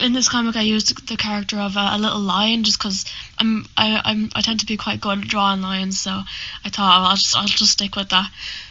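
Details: Stammering (stuttering) in a 20-year-old woman who says she has a stammer.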